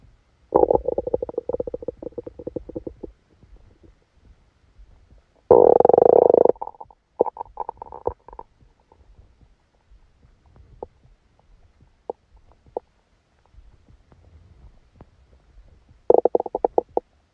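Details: Stomach sounds recorded during a stomachache after Christmas dinner while the person slept: gurgling, bubbling rumbles in bursts with quiet stretches between; active bowel sounds, stomach rumbling.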